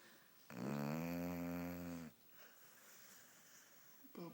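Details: Snoring dog in sleep, owner jokingly asks about a sinus problem: one loud, buzzing snore lasting over a second, then quiet breathing and a soft snort.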